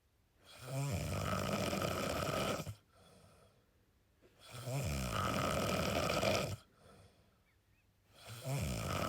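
Loud, rattling snores on each long breath in, with quiet gaps between, about 15 breaths a minute; heavy snoring.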